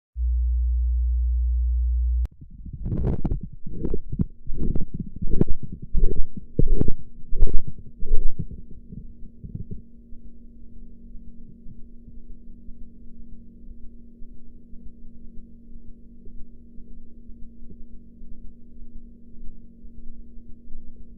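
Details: Blood pressure practice recording with enhanced audio and a sphygmomanometer gauge: regular tapping Korotkoff sounds appear, strengthen, then fade and vanish during cuff deflation, over a steady background hum.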